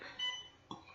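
A brief high electronic beep from a hospital machine alarm sounds in a quiet room.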